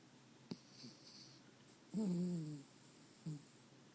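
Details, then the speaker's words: Tired sleeping dog gives a drawn-out, nasal, whistling snore with short snorts in a quiet room; canine snoring. "This shit is crazy. My dog snores."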